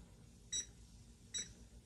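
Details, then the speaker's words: Two short high-pitched beeps, a little under a second apart, in a quiet room, presented as a pacemaker after open-heart surgery to close a hole in the heart; pacemaker beep. "hello dr gable hello peter yeah it's me here's my pacemaker beep"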